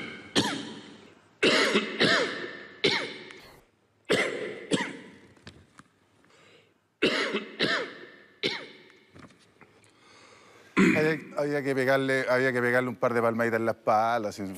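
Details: Adult man, 67 years old, coughs about nine times in short clusters during a speech in a reverberant hall, then resumes speaking; repeated coughing attacks made him drink water: coughing fit.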